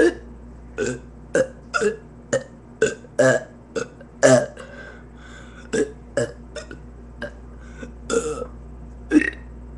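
A run of about fifteen short, throaty burps in quick succession over ten seconds, with a steady low hum behind them. Repeated belching.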